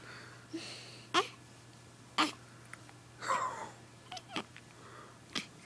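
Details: 3-day-old baby boy with hiccups: brief, sharp, irregular hiccup jerks, about six in under six seconds, in a quiet room.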